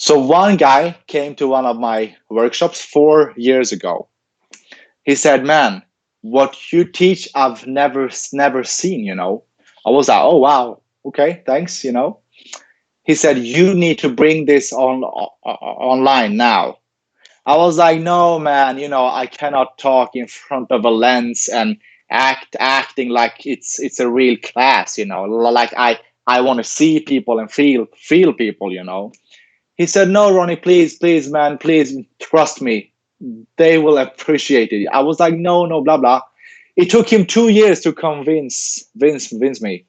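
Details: Adult male who stutters, has had speech and language pathologist therapy since age ten and later trained as a speech-language pathologist himself; real stuttering heard in interview speech; finding: stuttering.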